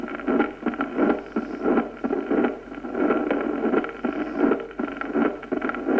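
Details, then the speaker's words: Child with acute rheumatic fever and carditis: regular heart cycles near 86 a minute with a soft mid-diastolic murmur, the Carey Coombs murmur. "Cuando se oye una fiebre reumática aguda en un niño, indica carditis y se llama soplo de Caire-Coombs."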